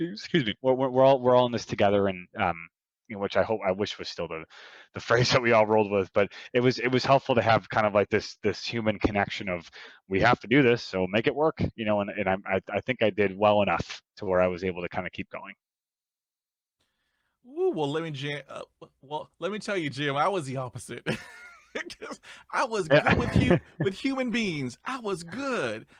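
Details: Adult male who stutters, with audible sound repetitions; he reports his stuttering involves blocks and repetitions, with eye closing and arm movements during blocks; stuttering.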